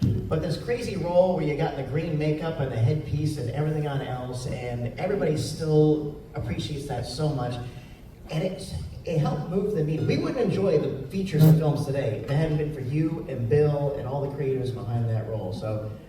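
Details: Adult male speaker; typical speech.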